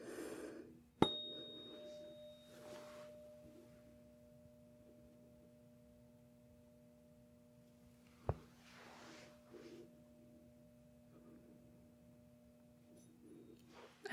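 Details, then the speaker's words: Roleplayed (simulated) Rinne hearing test with a tuning fork on the mastoid behind the ear, then beside the ear, on each side: two sharp strikes, each followed by a steady sustained hum, amid quiet room noise. "And I am going to have you tell me when you hear the sound, then when it stops. When it stops, I'll bring the tuning fork right next to your ear and you'll tell me if you hear it and if you do when it stops."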